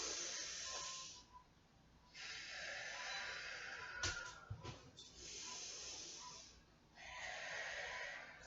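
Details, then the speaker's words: Pursed-lip breathing demonstrated in a controlled-coughing exercise: two slow breaths in through the nose and long, steady hissing exhales out through pursed lips, done before a counted cough. "okay so we're going to be doing our controlled coughing so we're gonna set up right and we're going to breathe in through our nose and add it to our mouth with pursed lips two times ready we're going to go"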